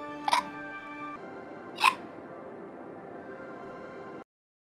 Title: Hiccups [Hololive EN/]